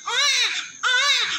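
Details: Newborn male baby delivered by LSCS (caesarean), during vernix and clot cleaning: two loud, sustained cries with clear tone, each about half a second; the baby is described as strong and active.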